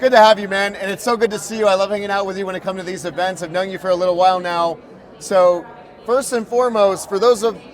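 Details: Adult male speaker; Normal speech.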